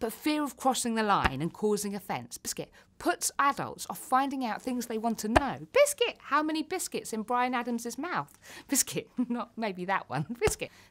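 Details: Vocal tics in a woman with Tourette syndrome; repeated single-word tics interrupt her speech.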